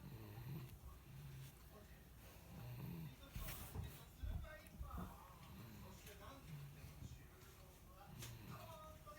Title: いびきをかく赤ちゃん snoring baby